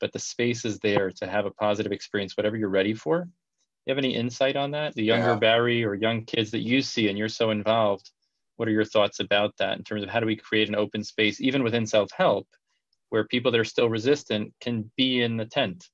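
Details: Adult male speaker; normal speech.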